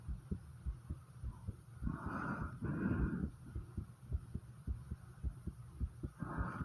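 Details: Rapid heartbeat at about 105 beats a minute with loud breathing noise over it, recorded after 50 squats; a quickened heart rate after exercise.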